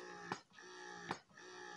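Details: Electric breast pump with adjustable suction levels 1–9 and several modes, running: steady motor hum broken by regular soft clicks about every 0.8 seconds; pump cycling normally.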